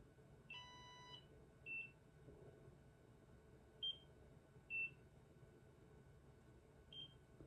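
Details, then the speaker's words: At-home Nira Pro skin laser on level 2, held flush against the skin around the eyes: several short high beeps at irregular intervals, each marking a completed pulse before moving to the next spot. "And what you want to do is you want to make sure that you're holding this flush against your skin, and you will hear it beep. When it beeps, you kind of want to move to the next spot."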